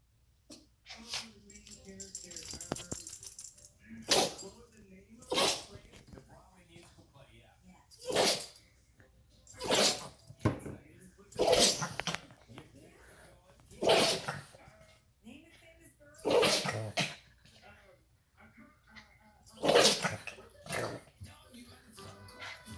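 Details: Pomeranian dog named Yoshi sneezing about ten times in a row, sharp bursts every two to three seconds; repeated sneezing.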